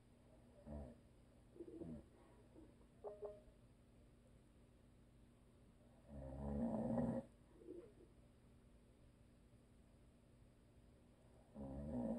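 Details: A husband who is a habitual snorer, asleep in a quiet room: soft, irregular rumbling breaths and two louder, rattling snores.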